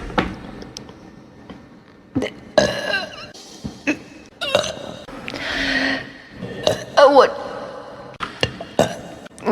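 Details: Apparently drunk person, burp compilation: repeated loud, croaking belches mixed with vocal sounds and background music; burping.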